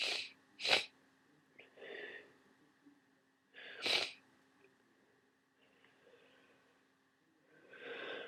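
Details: Three sharp sneezes with sniffing breaths between them in a quiet room, from a person with a worsening cold who feels awful. Repeated sneezing.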